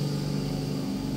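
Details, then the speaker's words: Ear wax removal clinic suction unit running: steady low motor drone with the suction tube tip sealed by a finger, power building as a seal forms. "see the power goes up and so we're often waiting for the power to go up before we can then start gently pulling them away so that's the suction unit"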